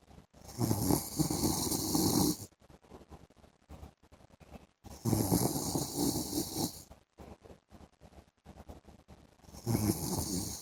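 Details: Adult man snoring during an afternoon sleep: loud, rough snores on each breath in, about 13 a minute, with quiet pauses between; ordinary snoring.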